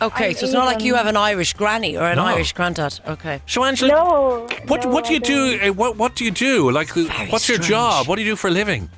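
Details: Adult interviewer; ordinary conversational speech.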